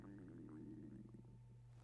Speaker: If you can hear my stomach, yes, I'm hungry. It's growling like hell.